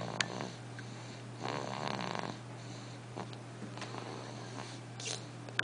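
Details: Single rough, rattling snore on the in-breath over a steady low electrical hum; ordinary snoring.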